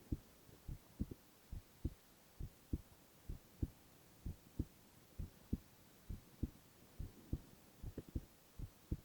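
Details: Boy's heart sounds, ASMR recording: steady low lub-dub pairs at about 67 beats a minute, regular rhythm; normal heart sounds.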